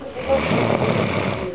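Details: One loud, rough, rattling breath noise filling the clip; a heavy snore.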